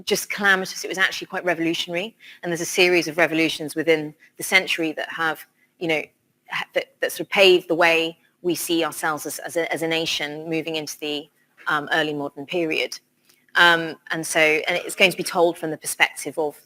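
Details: Adult woman speaking; normal voice.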